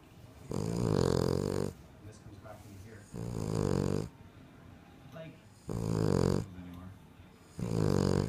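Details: King Charles Cocker Spaniel sleeping, with loud, rattling snores on each breath in, about 25 a minute, and quieter breaths out between: loudest snoring dog.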